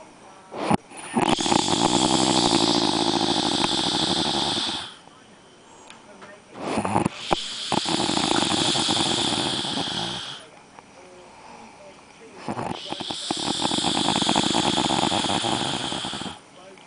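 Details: Loud, harsh rattling snores on long breaths, about three over seventeen seconds, with quiet pauses between them; snoring.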